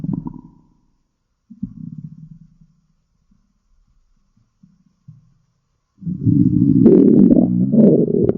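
Low gurgling rumbles in short bursts, then a long loud churning growl; ordinary stomach growling from gas and fluid moving through the gut.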